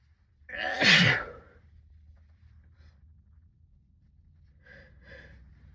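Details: One forceful sneeze muffled into a sleeve, then soft breaths and sighs, during a prolonged sixteen-minute sneezing fit brought on by cold weather; sneezing.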